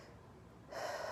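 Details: Normal breath sounds auscultated over the right upper lung below the armpit during a student's head-to-toe assessment demonstration, the student listening on themself: quiet start, then a deep smooth inhalation with no crackles or wheeze.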